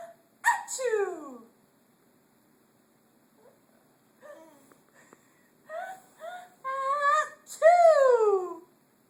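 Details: Imitated sneeze: deliberate fake coughing and sneezing.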